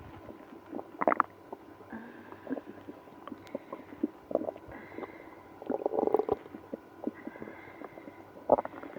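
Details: Irregular gurgles and low rumbling growls from the abdomen in a person with irritable bowel syndrome after drinking milk and prune juice; stomach growling (borborygmi).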